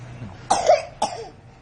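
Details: Two short harsh coughs from a young child, with quiet room noise between them; child coughing around drinking milk.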